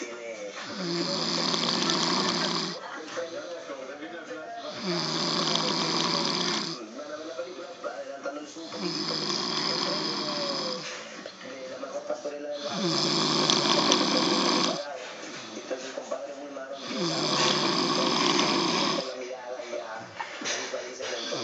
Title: My step dad snoring saying he dosent snore!!!